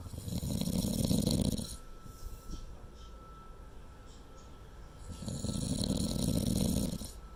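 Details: Person sleeping on a latex anti-snore pillow that reduced but did not stop snoring through the night: two loud, rattling inhaled snores about four seconds apart, quiet breathing between; snoring.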